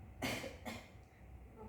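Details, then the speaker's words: Voluntary cough on a nurse's request from a woman unable to bring up sputum, before effective-cough teaching: two short, fairly dry coughs in a quiet room, weak, without clear sputum sound. "Baik Ibu, coba Ibu batuk."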